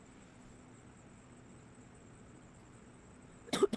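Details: Repeated coughing from a woman described as coughing frequently, at least seven times in 24 minutes, apparently a smoker; cough.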